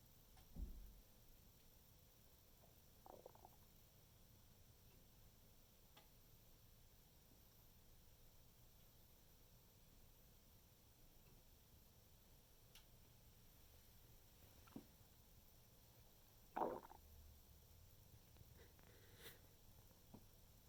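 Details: Several brief gurgles and squelches from the stomach in a quiet recording; normal bowel sounds that came in a strange sequence after the person stood up straight.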